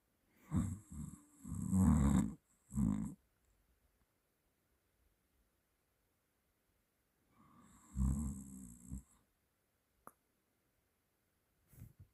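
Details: Self-recorded snoring in sleep: two rough, fluttering snores on breathing in, separated by quiet pauses.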